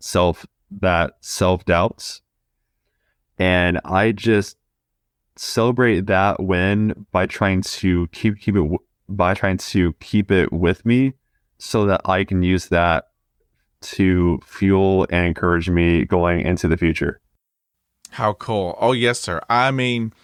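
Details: Stuttering in a 20-year-old man who has stuttered since about age two; repetitions are audible in this stretch.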